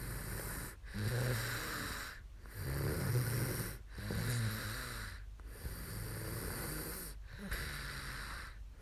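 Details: Adult woman asleep during a live sleep stream: rough, rattling snores with deep low sounds on each breath, about six breaths in nine seconds; snoring.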